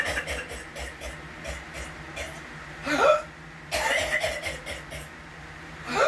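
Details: Persistent repetitive cough, lasting hours at a time and starting a month ago when it never happened before: runs of short, dry, hacking coughs with barely a pause, plus a couple of louder, harsher bursts.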